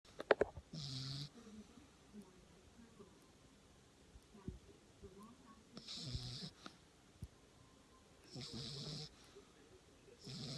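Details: Sleeping subject with rough, buzzing snores recurring every two to three seconds and quieter whistling breaths between them; snoring.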